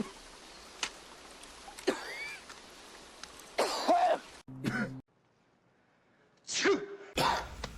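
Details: Acted coughs from a movie supercut of cinematic coughs and sneezes: several short coughs and a throat clear cut together from film scenes, with abrupt changes in room sound.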